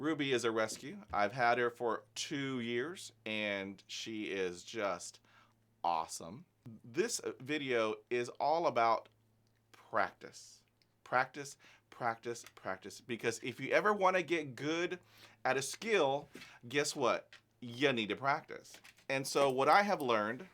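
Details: Adult man who stutters, with about 20 years of speech therapy, no medication, managing it with learned techniques; stuttering.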